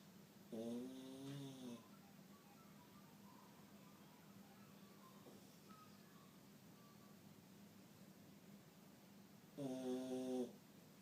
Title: Snoring beauty. Iggy the Boston 'peacefully sleeping'